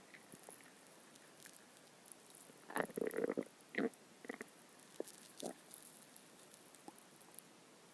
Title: My stomach growling